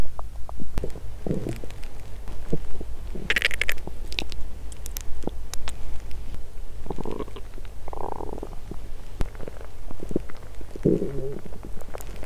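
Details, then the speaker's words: Low gurgling and rumbling bursts from an adult woman's empty stomach, period due that day with bloated abdomen; hunger borborygmi. ""Then, I'll do my best to record the sound of hunger." "It's ten o'clock now". "I will try my best!". "Ah! My stomach is groaning". For three hours, I kept recording hunger sounds."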